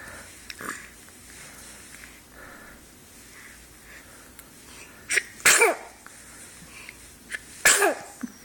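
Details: Person sneezing: two sharp, explosive sneezes, each preceded by a quick intake of breath, in a quiet room.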